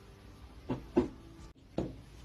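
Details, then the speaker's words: Physiotherapy demonstration of finger percussion over the chest, with the middle finger striking the stationary hand: three hollow, loud, low-pitched taps of longer duration, a resonant percussion note over normal air-filled lung. "these tones are described by the following terms resonant loud or high amplitude low past longer duration yed over air fill organs such as the lungs"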